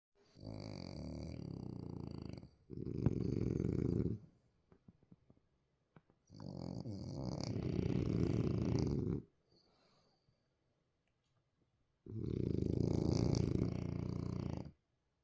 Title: Sleeping hard after a long day of playing. Snoring French Bulldogs. #frenchbulldog #frenchie #dog